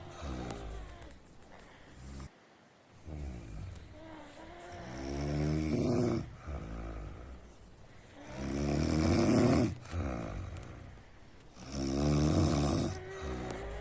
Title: jamaican snoring 💤💤